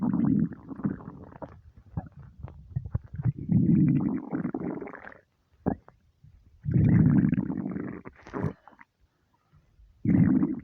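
Irregular low gurgles and longer rumbling bursts from an empty stomach, ordinary hunger noises.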